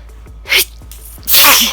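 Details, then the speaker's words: Sneezing from a small puppy: two sharp, hissing sneezes, the second louder and longer. "this is the first time i've been able to record a video of me sneezing for a long time i did start sneezing about 30 seconds ago"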